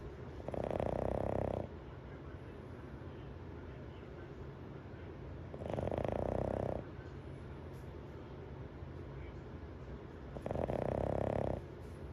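Three loud, rough breaths in about 12 seconds, roughly 15 a minute, against steady room noise, fitting snoring.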